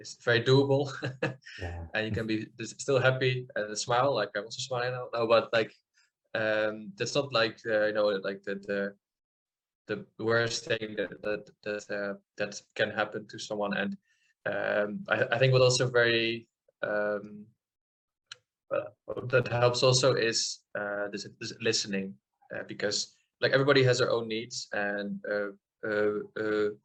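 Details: Adult man from the Netherlands who stutters, speaking in an interview; audible part-word and word repetitions; stuttering.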